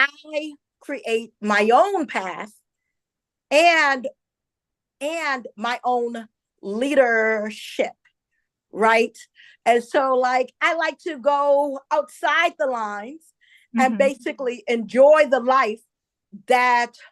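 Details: Stuttering in an adult woman who identifies herself as a stutterer and says listeners will hear her stumble on some words.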